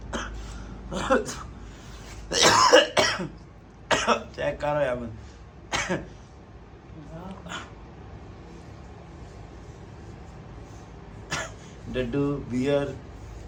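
Several short forced coughs and throat clearing from an adult, acted rather than a real illness, with some speech between.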